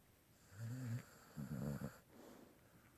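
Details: Dog snoring while sleeping in bed: two low, vibrating snores with a brief snort between them over quiet room noise; snoring.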